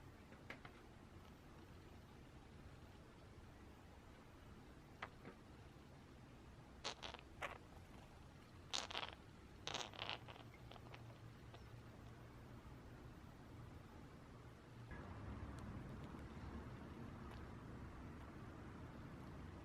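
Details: Budgerigar with a chronic nasal condition that has not improved despite vet visits, June 2017: several brief, sharp, high-pitched sneeze bursts over room hum. Repeated sneezing.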